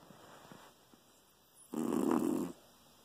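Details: Sleeping female Chihuahua snoring: faint soft breathing, then one loud rough snore lasting nearly a second on inhalation.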